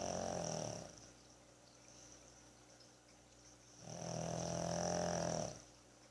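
Two long, rattling snoring breaths with a quiet pause between, typical of a flat-faced dog.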